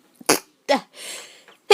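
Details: Adult woman's induced sneezing, triggered with a clothes tag inside the nose: two quick sneezes, each with a short voiced catch, then a long breathy exhale and another sneeze starting.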